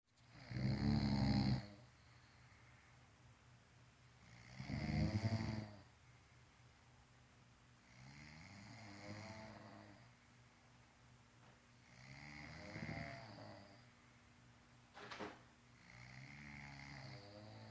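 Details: Sleeping adult snoring: deep, rattling snores varying in loudness from breath to breath, about 15 a minute.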